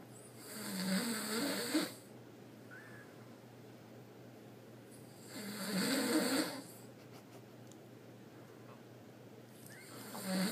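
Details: Two loud rattling snores about four seconds apart, with quiet room hiss between and a third beginning at the end; snoring.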